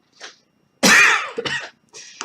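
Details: Adult with a lung infection coughing between poetry readings: a single loud, harsh, wet-sounding cough burst, then a shorter second cough and a faint throat sound.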